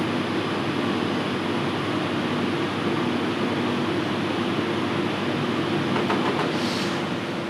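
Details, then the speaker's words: CT simulation scan of male radiotherapy patient, pelvis, patient still and breathing calmly: loud steady rumbling whir of the rotating gantry during acquisition. "Je lance l'acquisition. Oui. Ne bougez pas, monsieur, commencez l'examen."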